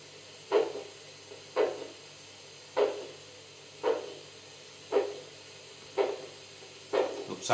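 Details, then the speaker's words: Regular whooshing arterial pulses about 57 a minute over steady hiss, heard by Doppler blood pressure monitor (VAP model) with cuff on a dog or cat as cuff pressure is released; arterial flow. "I'm going lower than this blood flow sounds are there even at zero now I'll increase the pressure 160 sound is there 220 there is no sound"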